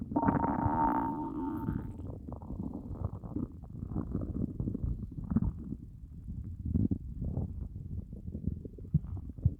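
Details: After fasting for over 30 hours, long low gurgling and groaning rumbles from the belly. This is normal hunger stomach growling (borborygmi).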